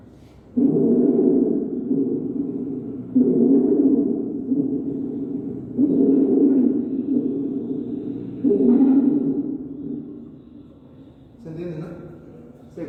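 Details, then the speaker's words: Simulated stridor on a training mannequin: loud, harsh, high-pitched, shriek-like musical noise on each breath, from major airway obstruction. "Son como un gritito. Es como gente gritando el el escrior. El escribior sí se escucha tétrico, literal."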